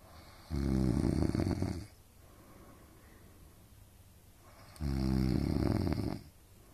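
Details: Loud, deep, rattling snores on each breath in, about four seconds apart with quiet breathing between, recorded at night from parents (mother and father) sleeping in a shared hotel room; snoring.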